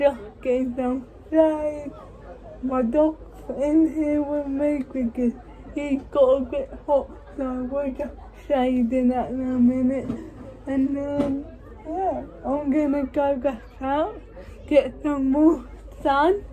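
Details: Woman with cerebral palsy speaking in her own vlog; dysarthria due to cerebral palsy.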